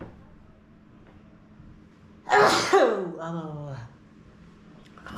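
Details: Vlogger sick for a week with a cough, filmed indoors during a room tour: a single loud explosive sneeze with a sharp intake, then a short voiced trailing sound, in a quiet room; sneeze.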